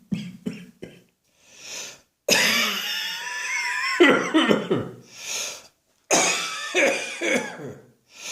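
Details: Adult's repeated harsh, dry cough bursts in short clusters with strained voiced sounds and quick breaths between, an irritating dry cough he gets in a dusty atmosphere; his annual chest infection has not yet arrived.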